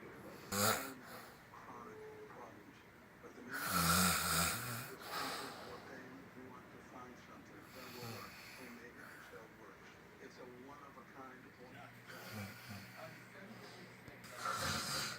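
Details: Irregular snorting snores with rough, noisy breaths over steady room noise while sleeping on a couch; snoring during sleep.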